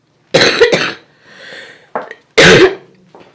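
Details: A loud double cough, a quiet breath, a short throat clear, then another loud cough; coughing.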